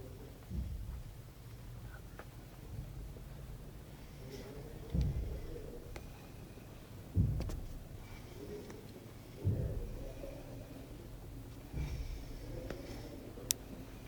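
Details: A sleeping person gives low snorting snores every two to three seconds, about 26 a minute, over quiet room noise; snoring.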